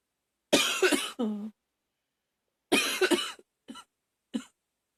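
Two harsh, rough cough bursts with a strained, voiced tail, then two shorter coughs: a coughing fit of about four coughs.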